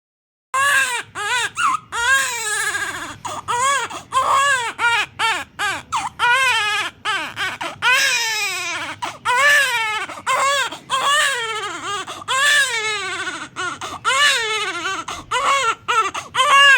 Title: ❤️❤️🥰 New born baby child crying 😭 sound effect 🧿😭🍼#dailyvlog #youtubeshorts